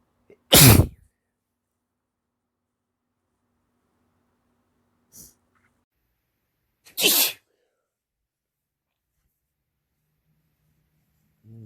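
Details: Male, wet hitchy sneezing: two loud, explosive sneezes, each preceded by a short catching breath, with a brief sniff between.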